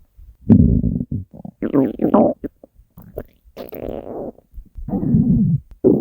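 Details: Hunger stomach growling from a compilation of three years of recordings: loud gurgling and rumbling bursts of varying pitch; borborygmi.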